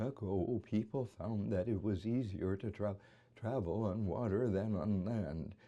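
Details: Imitated atypical adductor spasmodic dysphonia, a focal laryngeal dystonia, in the variant leading with tremor: voice dominated by tremor, with infrequent, subtle spasms.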